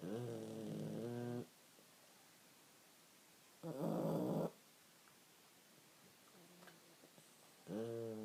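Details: Loud, rumbling, buzzy breaths about every four seconds with quiet gaps between them; snoring.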